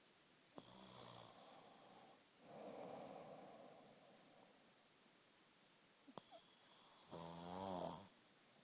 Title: Caught snoring